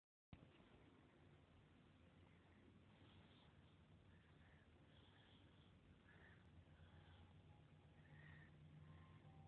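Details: Stridor during sleep: soft, high-pitched noisy sounds recur with the breaths of a sleeping child, pointing to a narrowed upper airway.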